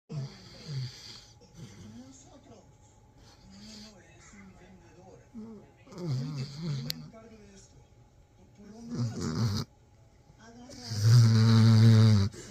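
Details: A sleeping dog having an intense dream gives several low, fluttering snores, irregularly spaced over about twelve seconds, the last one loudest; snoring.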